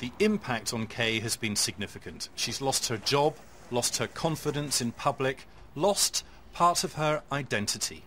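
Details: Adult male narrator; ordinary speech.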